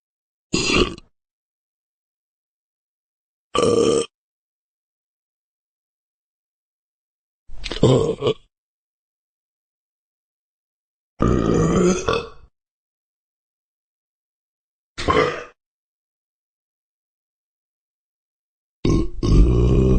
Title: Burp Sound Effect